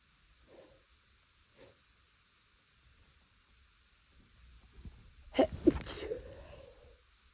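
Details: Two faint, muffled nasal bursts, then a louder stifled sneeze with a short breathy trailing sound: sneezes held back to stay quiet, with an itchy nose the person suspects is from temperature changes.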